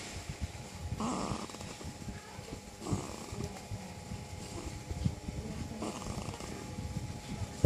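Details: 1-month-old baby boy snoring; snoring.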